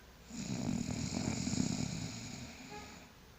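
A single rough, fluttering snore on an in-breath, rising and fading over about three seconds; ordinary snoring.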